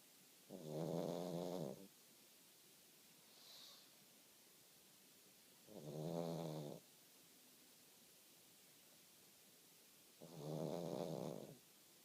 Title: snoring away in pug dream land